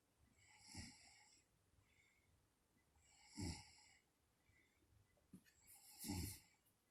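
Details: Mother sleeping: soft, low snores with some snorting, roughly 20 a minute, separated by quiet breathing in a still room; snoring.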